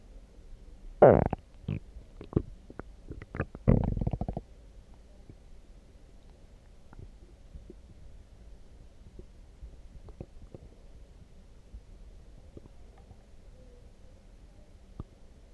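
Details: Stomach growling after drinking coffee: loud gurgling, rumbling bursts in the first seconds, then quiet with faint gurgles, normal borborygmi.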